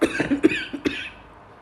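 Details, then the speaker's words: Adult woman's short run of four or five harsh, slightly wet, congested coughs; a productive cough with phlegm, sore throat and flu that has lasted many days since she returned from Umrah. "जब से मैं उमरे से आई हूं ना मेरी तबीयत सही नहीं हो पा रही। खांसी है, कफ है, गला खराब है।"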